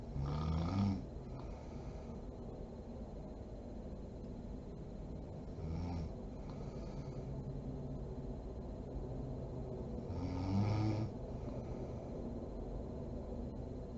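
Three rattling, snorting snores about five seconds apart over steady room hum; snoring at roughly 12 breaths a minute.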